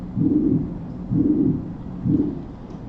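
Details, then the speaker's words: Teaching audio of a holosystolic murmur: long rumbling murmur filling each beat at about 63 a minute, with both S1 and S2 obscured and no distinct heart sounds. "And then this is a holo systolic."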